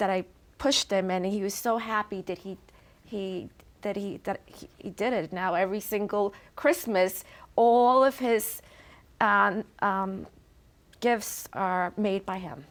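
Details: Adult woman with chronic aphasia after a stroke, nonverbal at the time of the stroke and since improved; aphasia.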